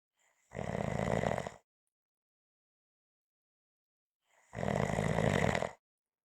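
Two long, loud, rough snoring breaths about four seconds apart, with silence between them: snoring.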